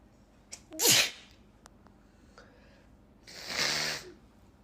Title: Asian girl sneeze compilation 🤧